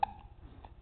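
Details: Baby having hiccups again: a single short, sharp voiced catch followed by a fainter one.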